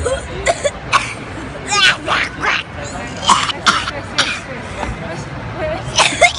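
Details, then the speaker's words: Acted coughs and throat clearing in short repeated bursts: a person imitating different types of coughers for comedy, not from illness. "Jadi hari ini aku mau nunjukin tipe-tipe orang batuk."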